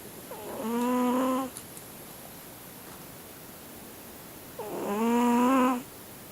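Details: Siamese cat snoring in sleep like an old man: two slow, drawn-out snoring breaths, each with a buzzing nasal tone, separated by quiet pauses; snoring.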